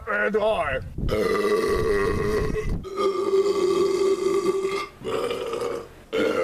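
Several long, loud, rumbling voiced belches in a row, each held for a second or more, with brief pauses between.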